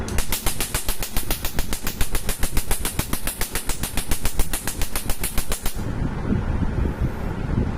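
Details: Rapid, regular snapping pulses, about 210 a minute, stopping after six seconds, from a laser firing on a man's skin during permanent tattoo removal; music plays in the background.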